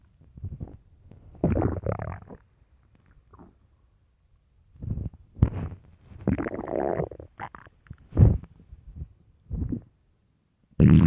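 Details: Person wondering if hungry; irregular low gurgling rumbles and squeaks from the belly with quiet gaps. Stomach growling (borborygmi).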